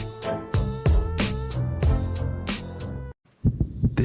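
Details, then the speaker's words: Fast, regular thumping heartbeat of a young child with a low hum, then brief silence; racing heart (tachycardia). "is the sound of a racing heart it's beating a little faster because it belongs to a young child"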